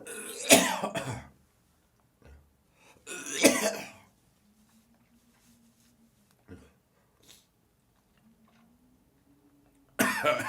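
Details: Morning coughing with gagging, spitting and nose blowing: harsh, wet coughs and throat clearing with a hawking, gagging quality, separated by quiet stretches with a faint hum.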